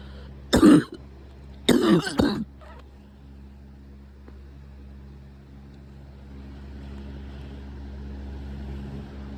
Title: Coughing frenzy